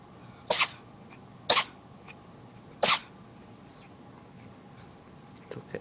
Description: My cat had a little sneezing fit.